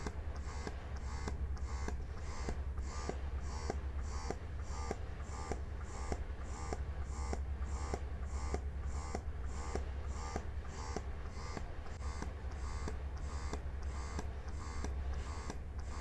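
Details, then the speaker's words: Mom Uung portable electric breast pump in massage mode, run through levels 1 to 9: quiet low motor hum with regular rhythmic clicking pulses. "Nah sekarang kita akan mendengarkan dan kita akan melihat bagaimana respon dari alat ini dari level 1 sampai dengan level 9 seperti ini"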